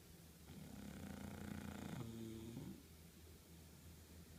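A low, rattling snore from a sleeping dog, one long noisy breath with a throaty flutter.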